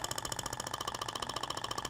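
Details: Radial shockwave device applied at 90 degrees to the abdomen, weight resting on skin, moved in zigzag, in a practical training demo: rapid, even sharp mechanical taps, about 15 per second; radial shockwave device firing.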